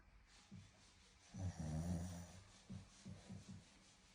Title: Snoring